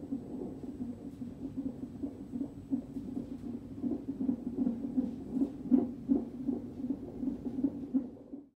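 Rapid, soft whooshing pulses at about 160 per minute through a Doppler monitor; normal fetal heart tones during a non-stress test.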